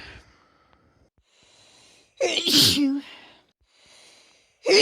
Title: compilation of lots of sneezes, with some sniffles and blows from the end of my recent cold